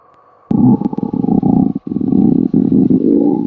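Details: A long, loud, gurgling low rumble with rapid fluttering pulses, replayed from a TV clip of a woman's stomach growling (borborygmi).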